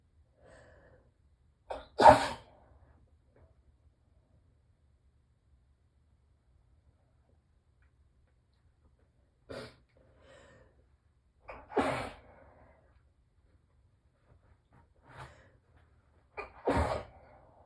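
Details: Four morning allergy sneezes muffled with tissues pressed tightly to the face, each with a short in-breath, spaced several seconds apart; allergic sneezing.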